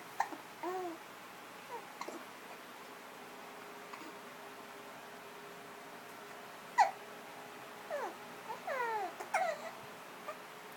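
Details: Soft babbling and cooing from a baby girl with a few brief, abrupt catch sounds between vocalizations; hiccups.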